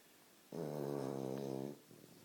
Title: Bulldog sleeping and snoring